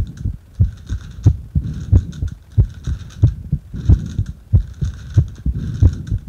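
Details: Heart sounds recorded during paper-bag rebreathing: regular low heartbeat thumps at about 92 a minute with a faint background hum.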